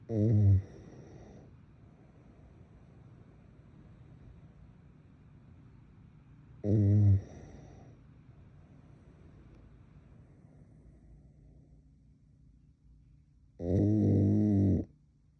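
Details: Adult woman asleep in bed (tagged sleep apnea) with three loud, rough, vibrating snores and quiet breathing between them, irregular at about nine a minute; loud snoring.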